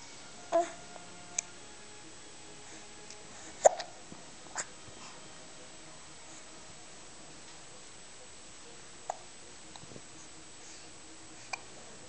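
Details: Short, abrupt catches repeat irregularly, about 19 a minute, against faint room noise. Hiccups.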